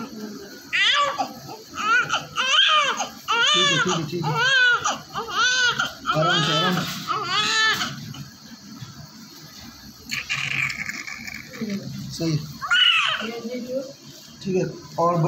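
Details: Newborn born with much inhaled amniotic fluid and secretions, crying after airway suction and oxygen: strong repeated cries with brief breath pauses over background talk.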